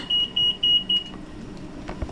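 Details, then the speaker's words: Alarm from a 3100B high-frequency oscillatory ventilator during setup in a respiratory care student demo: four evenly spaced high-pitched beeps, then silence with faint handling noise. "it likes to alarm. There's a special button."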